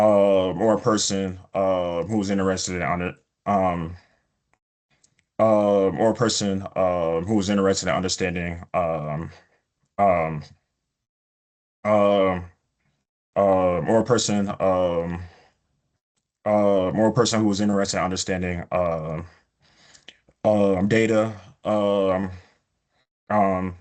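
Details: Adult male epidemiologist who stutters, with self-reported prolongations of words or sounds, blocks and repetitions in his speech; stuttering.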